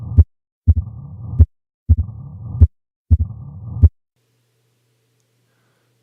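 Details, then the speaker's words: 45-year-old West African man with years of dyspnea and leg swelling; uniform, low-pitched diastolic murmur loudest with the stethoscope bell at the apex, mitral stenosis. "what would cause a uniform low pitched diastolic murmur at the apex really only one thing can do this mitral stenosis"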